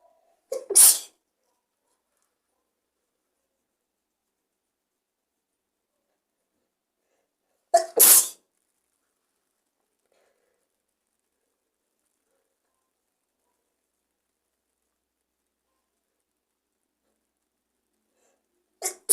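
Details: Person sick with a cold, still very congested, deliberately inducing sneezes: three loud, explosive sneezes several seconds apart, each with a brief inward catch, in a silent room.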